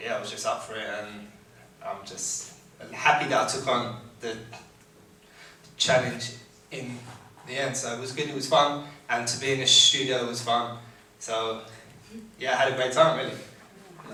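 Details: Adult living with a stammer, who took part in vocal training and recorded a song as lead vocalist; stuttering (stammer).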